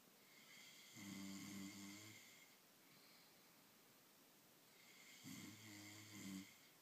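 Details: Sleeping: two tonal, buzzing snores on breathing in, about four seconds apart, over quiet room hiss; ordinary snoring.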